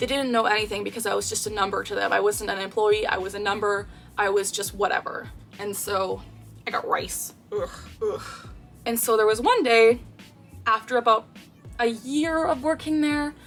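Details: Tourette syndrome with a vocal tic (a verbal phrase) in a real 24-year-old woman, diagnosed at age 12, with co-occurring anxiety disorder.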